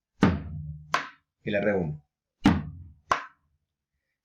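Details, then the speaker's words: Simulated heart sounds played on a drum in a clinical semiology class: a sharp, forceful first sound marking an accentuated (loud) first heart sound, S1. "si el ruido está intensificado sonaría así"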